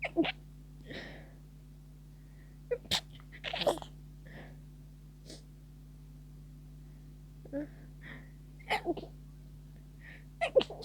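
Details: Stifled sneeze attack near the end of a cold, with tickling sneezes that won't stop; several short, muffled, held-back sneezes with small catches of breath between, in a quiet room.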